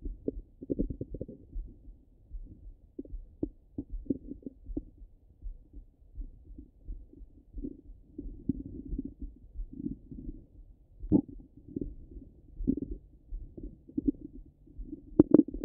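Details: Bowel sounds, ordinary stomach rumbling: low irregular gurgles and rumbles that come and go over a quiet background.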